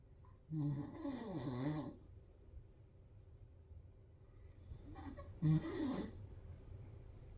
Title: the tiniest cat snores like a 50 year old man.